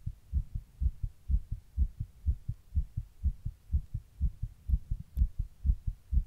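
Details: Recording of one's own heart while sitting in 100-degree heat during a heatwave: rapid, regular lub-dub sounds at about 125 beats a minute; tachycardia.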